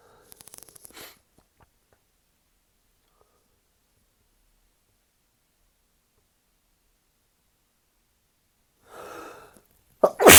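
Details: Stifled sneezes in the second part of a sneezing fit, while recovering in bed after a first fit after showering and using shampoo: short muffled bursts with breathy intakes, then a sharper sneeze onset.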